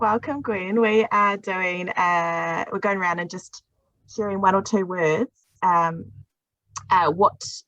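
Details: Adult woman speaking; Normal speaking voice.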